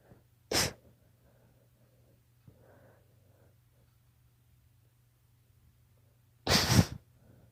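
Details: Daughter with allergies: two sharp, explosive sneezes several seconds apart; allergic sneezing.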